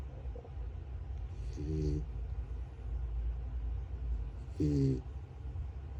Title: Pizza the Puppy Snoring Like a Tiny Tractor #pets #puppy #miniamericanshepherd #miniaussie #cute